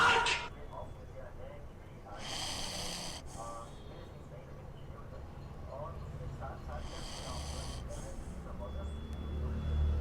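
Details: Sleeping Pomeranian dog snoring: two hissing, snuffly snores about five seconds apart with faint room noise.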